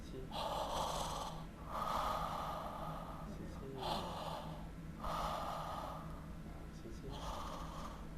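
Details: Snoring with obstructive sleep apnea due to tonsil hypertrophy: loud, rough, snorting, effortful breaths at about 18 a minute.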